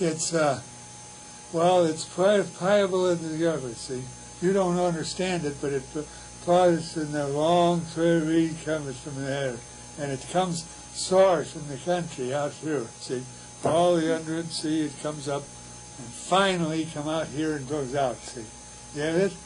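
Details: Wernicke's (receptive, sensory) aphasia in a man, producing fluent but empty, disorganized word-salad speech.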